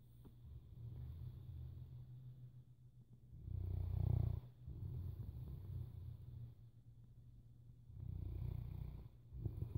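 Low, rumbling snores rising and falling with each breath, fairly quiet; a large dog snoring.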